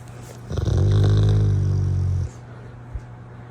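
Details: Rottweiler dog snoring, morning, falling back asleep; owner jokes about sleep apnea: a single long, deep, rumbling snore lasting under two seconds, then quiet breathing; ordinary snoring.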